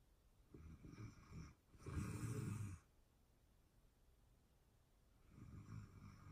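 Low rattling snore on an in-breath, then a pause and a softer breath in a quiet room; snoring during sleep.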